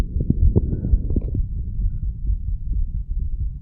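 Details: Self-recorded heartbeat of a 34-year-old male after smoking nicotine and cannabis, mitral area: rapid low thumping, roughly 120 to 130 beats a minute, with some rubbing noise; fast heartbeat.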